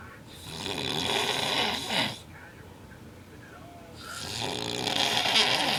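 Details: Severe, loud snoring from a sleeping adult man, recorded by his girlfriend as proof.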